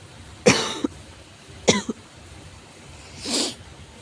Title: 咳が酷 severe cough